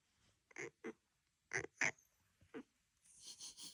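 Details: Cat sneezing during sleepy fussing: a quick series of about five small, sharp sneezes followed by soft snuffling breaths.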